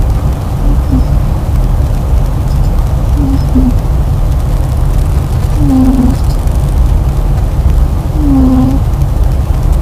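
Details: A sleeping cat that now snores every day makes soft, whistling nasal snores every two to three seconds over a steady low rumbling background.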